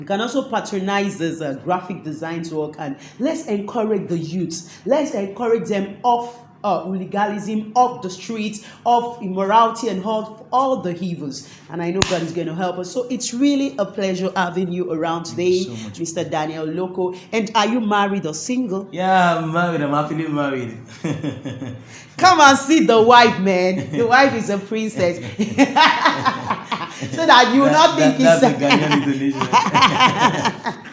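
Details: Adult speakers in an interview; conversational speech.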